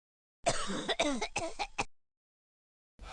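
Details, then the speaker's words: Cough from an adult who currently has a cough and is avoiding fried foods. "Pahamnya orang mengangguk-angguk, kurang mengerti, menggeleng-geleng karena sedang dilanda batuk."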